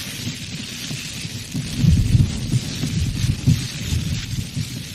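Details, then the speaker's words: Low, rumbling heart thumps under heavy hiss, with a short, loud, harsh mid-diastolic murmur, described as practically always the result of valve deformities. "Diastolic murmurs are almost always isolated. Here's one. short, and mid-diastolic."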